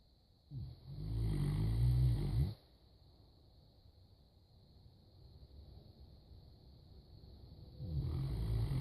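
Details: Saint Bernard dog snoring away: deep, rumbling snoring breaths separated by a quiet pause of several seconds.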